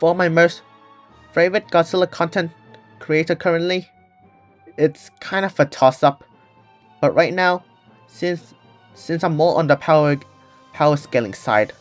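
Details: Person who stutters, with audible word repetitions; stuttering.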